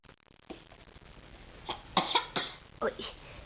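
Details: Infant coughing: about five short, sharp coughs in a quiet room, some in quick pairs.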